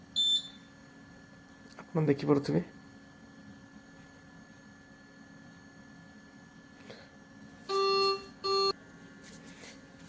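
Two clear electronic beep tones over quiet room hum, with a brief voice earlier; the start-up alarm beeps of a ventilator being switched on.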